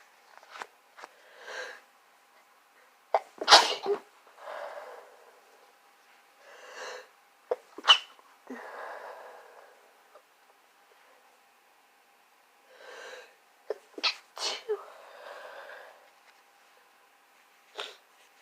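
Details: A run of sneezes with sharp bursts and breathy in-drawn breaths between them, a sneezing fit in an adult with a progressing cold. The nose and throat hurt, the nose is chapped and coughing is minimal.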